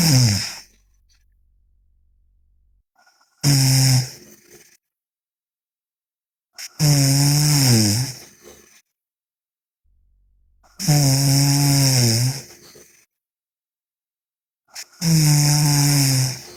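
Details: Sleeping girl snoring loudly: rough, groaning snores with each breath in, about every four seconds, separated by quiet pauses.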